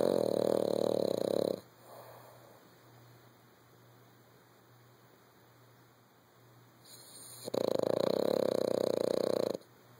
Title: snoring